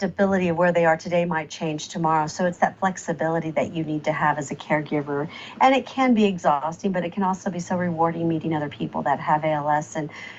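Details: Adult woman speaking; typical speech.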